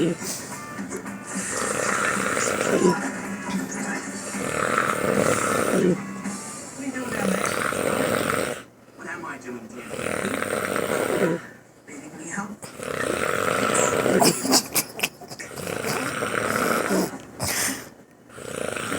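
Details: Snoring in an extremely tired husband: loud, rattling snores repeating every few seconds, with television talk and music in the background.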